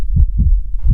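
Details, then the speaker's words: Normal heart sounds: two audible sounds per beat, lub and dub (of four heart sounds only two are usually heard), with a cardiac cycle of about 0.8 seconds. "पूरी वीडियो में आपको एक साउंड सुनाई दे रही होगी, लब डब, जो कि हार्ट बीट्स होती हैं। एक्चुअली हार्ट की 4 बीट्स होती हैं, बट नोटिस में सिर्फ 2 ही आती हैं, और एक होती है लब और एक होती है डब।"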